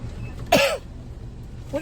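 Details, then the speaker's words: A single short deliberate cough over low room and traffic noise; a voluntary, acted prank cough over his wife's food. "why are you coughing on my stuff why are you Crossing all my stuff"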